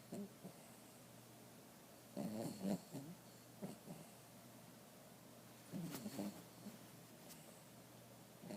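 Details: Lazy sleeping bulldog snoring: soft, irregular snorting breaths in short bursts over a quiet room; snoring.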